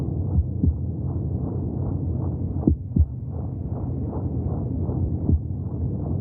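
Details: Rapid, muffled, rhythmic whooshing pulses under a steady low hum: fetal heartbeat heard from inside the womb.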